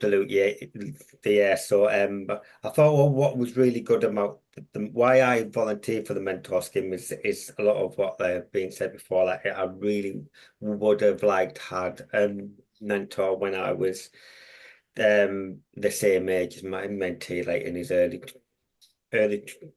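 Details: Stammering (stuttering) in an adult with a long-standing stammer who mentors young people who stammer.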